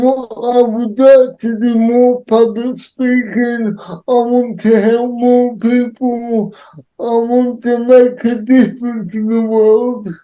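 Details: Adult man with cerebral palsy; dysarthria associated with cerebral palsy.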